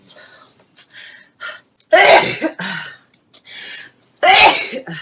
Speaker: I hate when I sneeze sorry for my sneezing thing I do have some issues with my nose so when I do start sneezing I sneeze